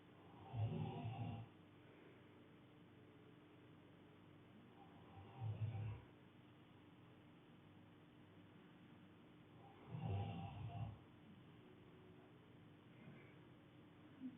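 Three low, rough rattling snores about every four to five seconds, with quiet pauses between them: snoring during sleep.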